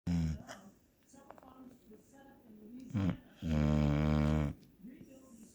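Loud, rattling snorts and one long, low buzzing snore, irregular and uneven, possibly produced while awake.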